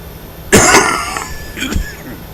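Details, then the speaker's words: An adult who has been sick for just over a week, with coughing and wheezing: two harsh coughs in a quiet room, the first louder and rougher, the second shorter like throat-clearing; the person likens it to an old smoker's cough. "first oh excuse me sorry about that you might hear a bit of coughing and wheezing today because because I'm sick with es I sound like an old smoker"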